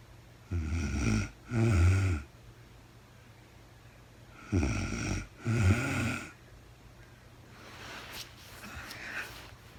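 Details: Sleeping adult woman snoring during real-time overnight sleep: loud, low, rumbling snores in pairs over a steady background hum.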